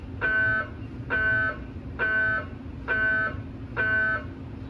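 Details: GE MRI scanner running a liver quality-assurance scan during engineer calibration testing: loud repeating electronic buzzing tones in about one-second bursts roughly once a second over low room hum, gradient acoustic noise.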